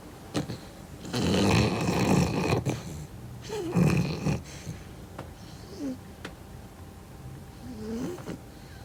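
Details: Sleeping Beagle dog described as having sleep apnea, snoring louder than an airplane: loud rumbling snores on two inward breaths, then quieter whistling breaths.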